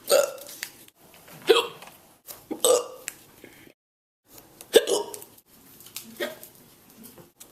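Abrupt, short voiced catches repeating every one to two seconds, about five in the stretch, consistent with hiccups.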